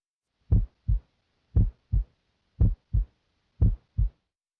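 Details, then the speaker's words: Adult male patient, stethoscope diaphragm at the apex: steady lub-dub near 60 a minute with the first sound louder, a normal S1 from AV valve closure, loudest at the apex. "S1 is caused by closure of the AV valves it is loudest at the Apex and sounds like"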